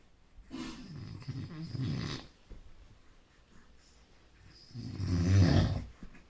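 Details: Sleeping dog snoring loudly: two long rumbling, rattling breaths with a quiet pause between; snoring.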